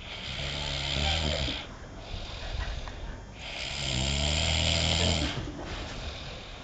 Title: Man snore!